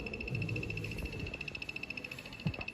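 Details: Low-cost Arduino Nano ventilator: stepper motor rhythmically pushing an Ambu bag, with rapid regular mechanical ticking and whirring, a steady high tone and a few knocks; mechanical ventilator operating.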